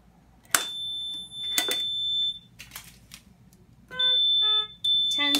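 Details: Puritan Bennett 840 ventilator, plugged in and connected to oxygen with tubing and Y-piece, being turned on before its short self test (SST): loud, steady high-pitched alarm tones and a chime, the normal power-on alarm.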